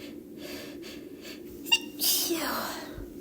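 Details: Girl, induced sneeze: faint breathy build-up with quick catching breaths, then one sharp sneeze; an ordinary sneeze.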